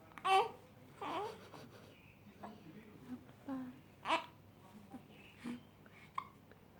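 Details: Baby hiccups: several short, sharp voiced gulps about a second apart between soft baby sounds in a quiet room.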